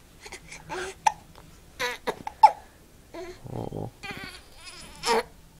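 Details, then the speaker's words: Young child with hiccups since the morning: sharp, sudden voiced catches recur irregularly between babbling and fussy sounds; hiccups. "Someone's got hiccups. Oh, yeah, you. But, recording. You got hiccups this morning."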